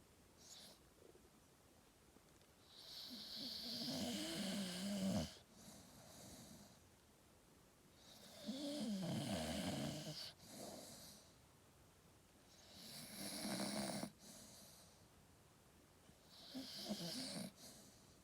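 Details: Staffy (Staffordshire bull terrier) snoring while asleep and dreaming: four loud rasping snores, each a few seconds long, with quiet pauses between, about 13 breaths a minute.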